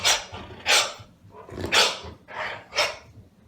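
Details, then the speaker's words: Debarked dog (ventriculocordectomy, surgical removal of vocal cord tissue) giving five airy, hissing, wheezy muffled barks. "it is medically known as a ventricular cord ectomy and this is what it sounds like wheezing"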